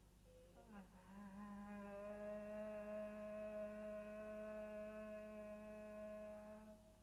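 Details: Abductor spasmodic dysphonia, with a latency before the vocal folds close; abductor spasmodic dysphonia.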